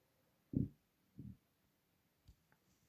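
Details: Hungry stomach: two short, deep rumbling gurgles and a faint third against a quiet room; stomach rumbling (borborygmi).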